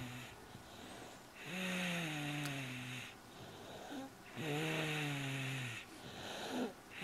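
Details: Bennett, a child asleep around 8:30 at night after a long, rough day of hard play, snores in long, tonal, rattling breaths, two clear snores in seven seconds.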